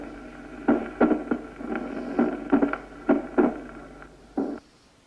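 Loud snapping first sound, second sound closely followed by an extra snap, then a low rumble building before the next beat: mitral stenosis.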